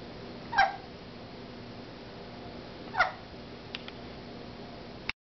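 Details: Two soft, abrupt hiccup-like bursts about two and a half seconds apart, with small clicks after, over steady room hum: hiccups in a pet.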